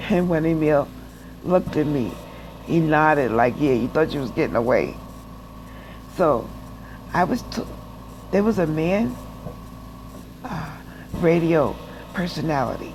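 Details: Adult woman with aphasia after a stroke, in rehab after hospital stays, relearning to walk and still taking speech classes; real, unscripted speech; aphasia after stroke.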